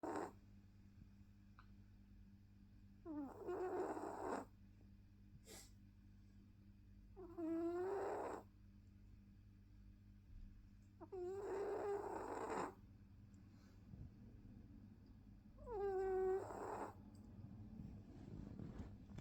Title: Chihuahua puppy snoring